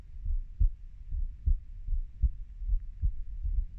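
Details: Soft, low thumping heartbeat under a muffled rumble, roughly 75 beats a minute, recorded as a person's own heartbeat ("30 year"); regular heartbeat.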